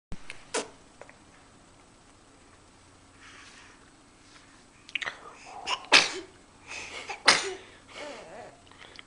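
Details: A run of about four sharp, explosive nasal bursts in quick succession; sneezing.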